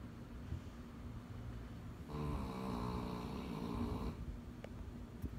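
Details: Puppy snoring: low room noise, then a rough, rattling snore lasting about two seconds; ordinary snoring.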